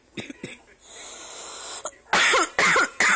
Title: Excuse the coughing.